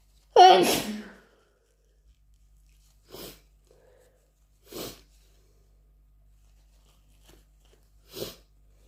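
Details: Deliberately induced sneezing: one loud, forceful sneeze, then three softer sniff- or blow-like bursts in a quiet room.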